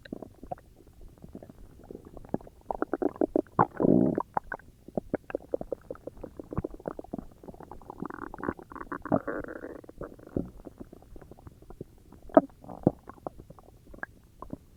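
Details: Person recording their own stomach growls: irregular gurgling, bubbling rumbles with a few longer growls, ordinary borborygmi from gas and fluid moving through the gut.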